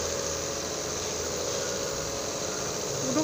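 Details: Nebulizer treatment for flu and a cough that won't go away: steady, continuous buzzing hum of the small compressor running throughout.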